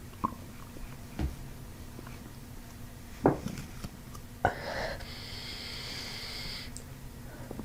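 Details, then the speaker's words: Bowel sounds in a fasting patient (nothing eaten that day) during a chiropractic abdominal session with diaphragmatic belly breathing and pressure near a tense, bloated spot: scattered gut pops and clicks, then a long, high, squeaky gurgle. "See how it works? It works. Diaphragmatic breathing increases gut motility."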